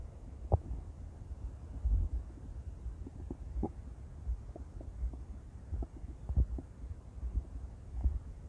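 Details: Intense stomach growling: low rumbling with scattered gurgles and pops throughout, ordinary bowel sounds.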